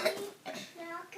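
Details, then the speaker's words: A child's short, loose, moist cough, a wet cough. The parent remarks it sounded loose, like something crumbling inside. The child denies throat pain and says the cough just feels needed. "that sounded a little loose like something was crumbling around in there"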